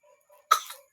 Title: coughing mga person